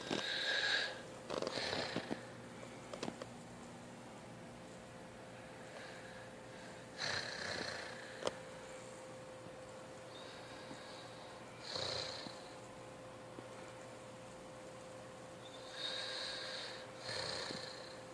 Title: my Little Brother Snoring